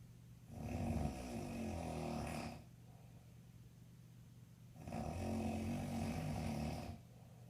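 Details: Adult man (the uploader's father, jokingly called a grizzly bear) snoring in sleep: loud, deep, rattling snores on long breaths, two cycles, with quieter breathing between.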